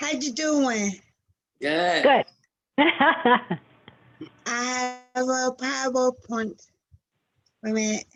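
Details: 47-year-old woman with aphasia after a stroke in February 2019, about two years earlier, which struck suddenly while she was working as a nurse and left her unable to speak; finding: aphasia.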